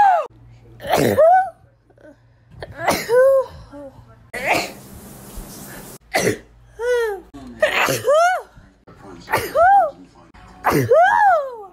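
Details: Compilation of sneezes recorded April to October 2019; a run of about six loud, voiced sneezes, each a sharp intake followed by an explosive burst.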